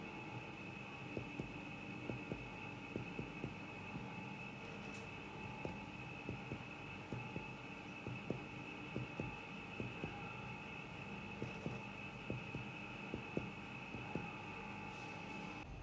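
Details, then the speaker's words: Soft, irregularly spaced finger percussion on a child's chest during a paediatric physical exam to find the heart-lung border; normal cardiac border, no heart enlargement. "Baik Ibu, jadi untuk batas jantungnya masih normal ya Bu ya, tidak ada pembesaran jantung."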